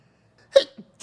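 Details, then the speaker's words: A single sneeze during a livestream, heard as a short, sharp voiced burst with a brief hissy release, one of several sneezes in the same stream. "gonna keep sneezing too. Fuck. Wait, maybe? What is going on?"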